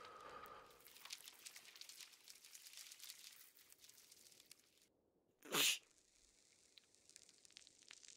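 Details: Sneezing as an allergic reaction to dust, dust mites and dirt: one sharp, hissing sneeze burst after quiet rustling room noise.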